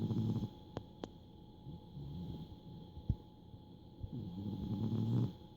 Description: Rescue cat Chance snores so loudly!